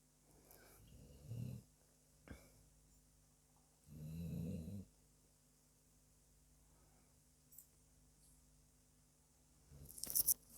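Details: Pet dog snoring during sleep: soft, low snores every few seconds in a quiet room, with a few faint clicks.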